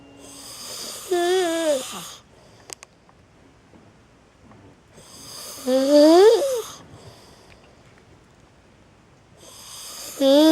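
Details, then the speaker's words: Loud snores from a sleeping male, about 14 a minute with silent pauses, some with a high, whistling, rising, horn-like honk, then ordinary snoring; snoring. "Okay, now it's just normal snore. Did you hear? Did you hear him blowing his horn? Did you hear him blowing his horn? It sounded like he was blowing a horn."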